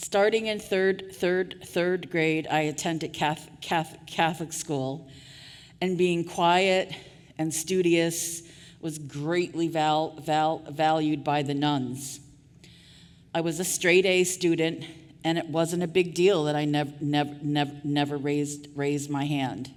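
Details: Adult woman with stuttering, covert for years before she began speaking openly about it; real, not acted, during a keynote address: stuttering.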